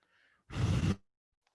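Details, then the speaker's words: Simulated wheeze made by blowing through a paper tube: a soft normal blow, then a louder, buzzy rush of air once the tube is narrowed, showing how collapsed bronchi in asthma produce wheezes. "sonido que yo me dan va para donde el aire que yo que yo expulse que va a ser un sonido porque el espacio es más pequeño si estoy metiendo la misma cantidad de aire pero en un espacio más pequeño por eso es que se generan las sibilancias ok porque el bronquio está colapsado el bronquio está más pequeño"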